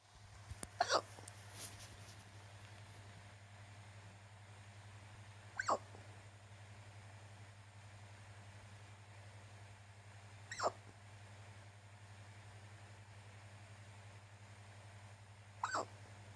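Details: Hiccups while tired, with some movement noise: four brief, sharp hiccups about every five seconds over a steady low hum.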